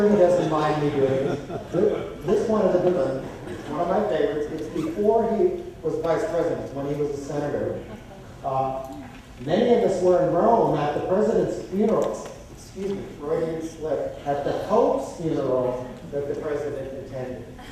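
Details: Adult male speaker; ordinary speech.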